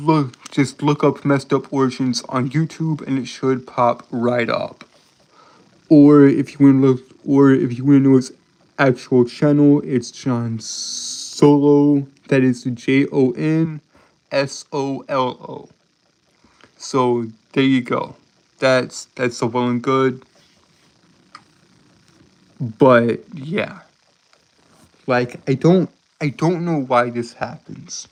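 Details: Adult male streamer with a self-described speech impediment causing stuttering, word and phrase repetitions; stuttering.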